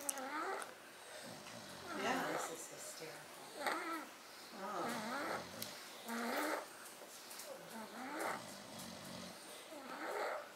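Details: Repeated rough, whining breath noises with each breath, about 37 a minute, in a quiet room, from two sleeping animals; snoring.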